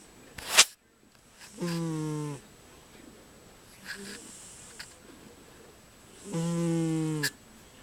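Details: Pet cat snoring while sleeping and dreaming; two drawn-out buzzing snores on the in-breath, each under a second, with a softer breath between in a quiet room.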